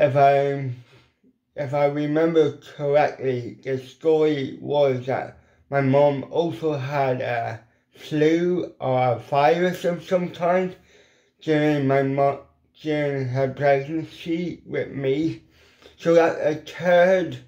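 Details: Adult man with ataxic cerebral palsy; weak lip muscles cannot form the shapes for certain letters; lifelong speech impediment; dysarthria.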